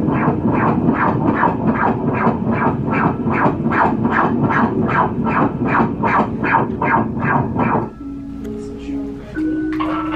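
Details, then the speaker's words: A fetal heartbeat at 28 weeks' gestation heard during a 4D/5D ultrasound: rapid, regular whooshing Doppler pulses at about 150 beats a minute, a normal fetal rate. "There's that heart beating. Let's take a listen."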